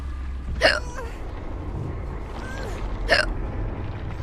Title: Twitch streamer with hiccups